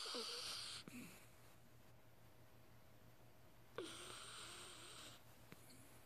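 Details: Sleeping, dreaming dog that twitches; two hissing, snorting breaths over a steady low background hum; snoring.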